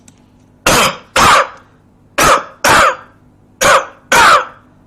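Six short, forceful voluntary coughs in three closely spaced pairs, from an adult who tested negative for COVID-19.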